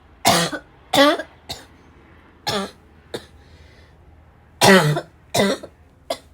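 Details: Eight harsh, forceful coughs in irregular bursts with a hoarse barking quality, some strained and choked; the person describes choking on a repeated hard barking cough.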